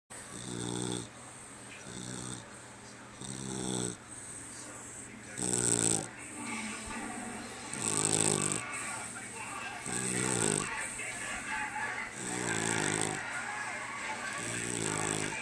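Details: Sleeping puggle (small dog) snoring with her eyes open: regular rumbling snores with each breath, about eight in fifteen seconds; plain snoring.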